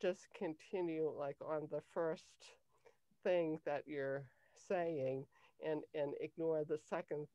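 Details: Adult woman with cluttering since age 5; cluttering.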